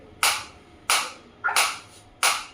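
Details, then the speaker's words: Focused (not radial) shockwave therapy applicator held against the demonstrator's hand, sharp regular snapping pulses about every 0.65 seconds as frequency is raised toward 120–180, sound changing with frequency; applicator firing. "You can feel the difference. You can feel the difference in the sound also. And I can feel the difference in my hand also."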